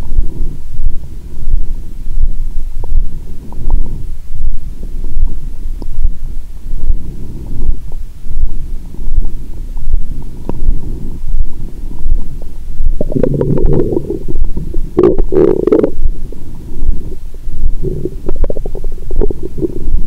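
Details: Adult woman's abdomen after a Christmas dinner with wine that followed a 22-hour fast, period due that day; active bowel sounds.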